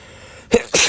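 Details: Sneezing attributed to pollen allergy: quiet room, then a sharp inhaled catch followed by an explosive burst; sneeze.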